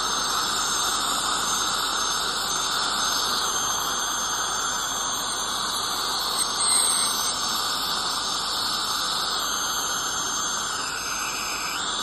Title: Dental Scaling Clean Airflow Dental Hygiene 2